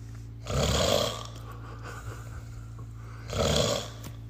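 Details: Very drunk sleeper snoring heavily: two loud, harsh rattling snores about three seconds apart, with quiet breathing between.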